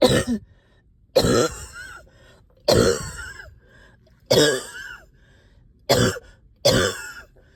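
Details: Productive cough after a night up coughing, with chest heaviness and headache: six forceful coughs, several ending in a gurgly throat-clearing tail, bringing up stubborn sticky phlegm.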